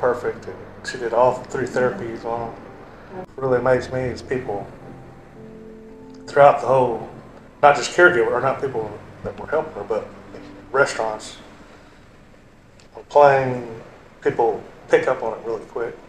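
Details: Adult male speaker; typical speech.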